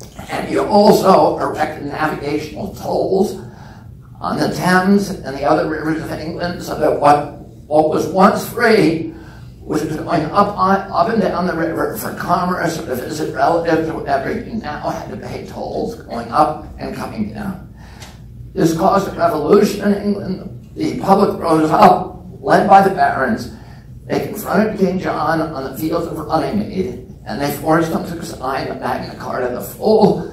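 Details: Man with spasmodic dysphonia (spasmodic dystonia) since age 42, after a previously strong voice; voice trembles, the tremble lessens or goes away after speaking a while; not painful.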